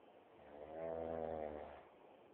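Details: Friend snoring, recorded on a phone: a single long, low, rattling snore on an in-breath, rising and fading over about two seconds; ordinary snoring.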